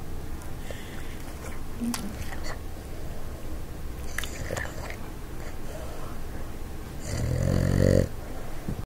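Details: Boston Terrier snoring: low rumbling, snorting breath noises, with a louder snorting snore near the end over room noise.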